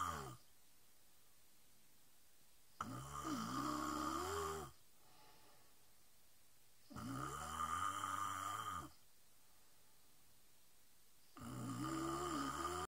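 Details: Sister asleep, three loud, rattling inspiratory snores roughly every four seconds with quiet pauses between; snoring.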